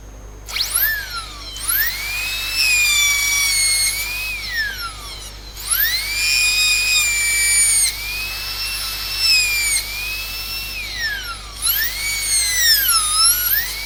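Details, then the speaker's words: Dental drill whining in repeated rising and falling bursts as the bur cuts a secondary flare on the buccal wall of the proximal box on a maxillary first molar inlay cavity. "Okay, so my secondary flare on buccal wall is also done."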